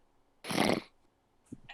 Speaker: do he really [ __ ] snores when he sleeps it's hilarious